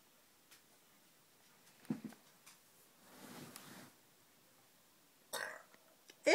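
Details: Chow Chow dog digging on a bed, then making short low burp-like sounds with scraping noise between them in a quiet room: burping.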